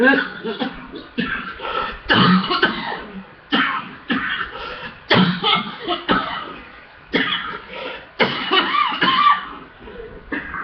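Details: Chest congestion coughing fit: repeated hard, harsh coughs, about ten bursts, with a full, congested, chesty quality.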